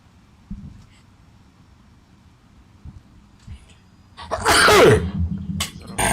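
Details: Male streamer sneezing while gaming: quiet room, then one loud explosive sneeze with a sharp burst of air, followed by brief mouth noises.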